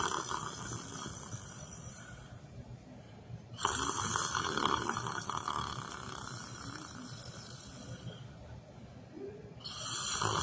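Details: A person sitting in a chair, asleep during yoga/meditation, snoring: rough, rasping snores recurring about every six seconds over a steady room hum.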